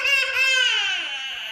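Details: Baby girl crying during an injection: a loud, high-pitched, sustained infant wail falling slightly in pitch, a cry of pain from the injection.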